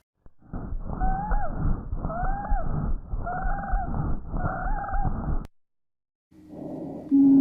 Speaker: éstas se producen a consecuencia del paso de un flujo turbulento de aire por unas vías respiratorias estrechas